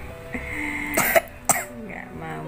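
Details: Two short, slightly wet coughs from a child sick with cough and cold (batuk pilek), lying down at home and kept off school, soft music in background: cough.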